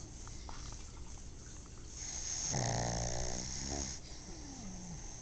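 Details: Pug sleeping with her eyes open, very tired, gives one long, loud fluttering snore on the in-breath and a softer whistling out-breath; she only snores loudly like this when really tired: snoring.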